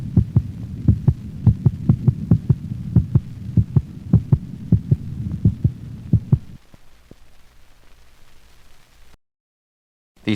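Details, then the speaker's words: Normal dog heart sounds recorded over the mitral valve location, standing dog: regular paired thumps at about 100 beats a minute, second sound shorter and higher-frequency than the first. "heart sound is shorter and of higher frequency than the first sound it is best heard over the pulmonic valve listen to a normal dog's heart sounds recorded over the pulmonic valve"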